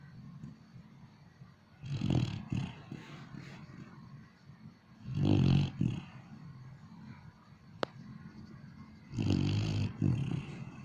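Deep, rumbling snores, three over about eleven seconds, each several seconds apart with quiet breathing between.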